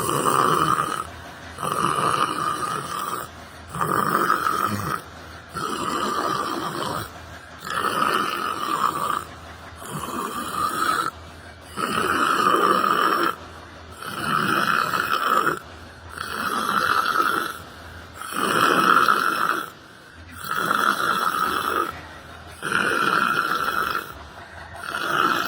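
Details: Steady rhythmic snoring with a rough, vibrating noise on each breath from a person sleeping while sitting on a library bench.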